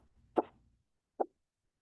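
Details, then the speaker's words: Korotkoff sounds, phase III, during blood pressure measurement: two crisp, sharp taps about a second apart; the phase II murmur disappears, leaving a clearer, more intense sound. "En el tercer ruido, el murmullo o soplo desaparece escuchando un ruido más nítido y de mayor intensidad."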